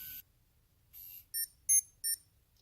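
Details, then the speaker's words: A few short high-pitched beeps from a Medtronic Paradigm Veo insulin pump, marking rewind complete during a reservoir and giving set change. "once that's finished it will give me a little beep"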